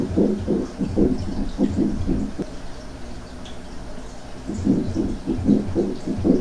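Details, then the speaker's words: Pericardial friction rub from inflamed pericardial layers, typically with chest pain: rough, scratchy heart sounds at about 75 per minute, easily heard but confusable with other sounds. "ok ese es el ruido lo que nos daría a nosotros un frote pericárdico desde luego que es un ruido que se puede apreciar fácilmente"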